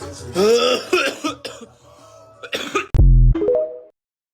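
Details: Adult on a second attempt at holding back a cough: strained, muffled throat sounds, then one sharp, forceful cough and a brief rising vocal sound; cough and throat clearing.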